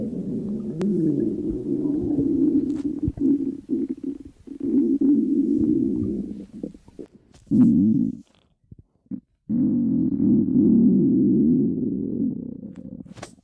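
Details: Stomach growling from someone with abdominal pain who feels unwell: long, loud rumbling and gurgling from the abdomen with brief pauses, active bowel sounds (borborygmi).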